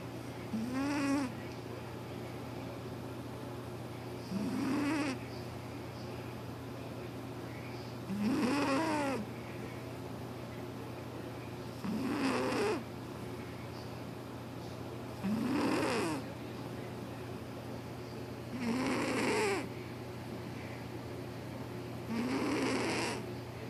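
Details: Calico cat sleeping and snoring loudly in regular bursts, about 17 breaths a minute, each with a rattling, fluttering edge; the owner says the snoring keeps them awake.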